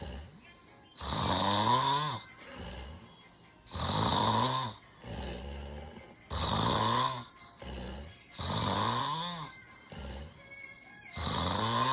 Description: Documented sleep apnea snoring with visible breathing pauses.